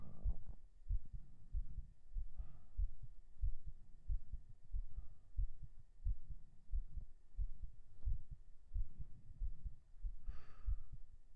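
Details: Binaural ASMR recording of a heartbeat right after 37 push-ups, with panting: steady low thumping at about 95 beats a minute with faint breathing; a normal raised heart rate after exercise.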